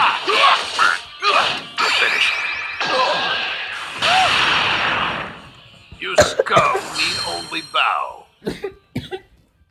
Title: Me doing the kid buu event (no commentary ) just a few coughs